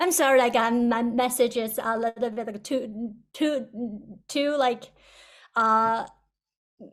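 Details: Person who stutters, with audible word and part-word repetitions; stuttering.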